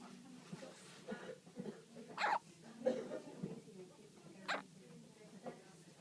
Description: 1 day old baby with hiccups sounds like a barking dog!